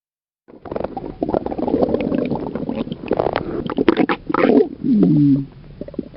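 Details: Bentley the dog's belly: continuous low gurgling and bubbling ending in squeaky gurgles, ordinary stomach rumbling (borborygmi).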